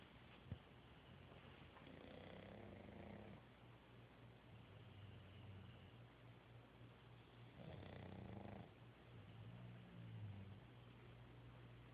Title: Three snoring dogs